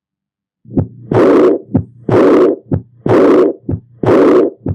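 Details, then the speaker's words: Aortic regurgitation murmur in a teaching recording, about 62 per minute: crisp S1, then a high-pitched, blowing, decrescendo diastolic murmur starting with S2. Best heard with the diaphragm. "it's a high-pitched blowing murmur so like all high pitched murmurs it is best heard with the diaphragm and it is a decrescendo type pattern"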